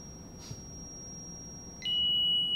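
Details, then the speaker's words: Training defibrillator demonstration for an adult cardiac arrest with ventricular fibrillation, charged to 200 joules: a steady high-pitched tone signals it is fully charged and ready to shock, so everyone except the CPR provider must stand clear. "warn the team are you gonna start charging the defib so press the charger button everyone except doing CPR stand clear"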